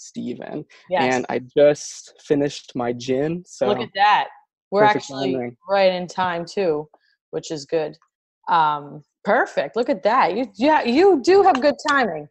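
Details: Adult speakers in conversation; plain speech.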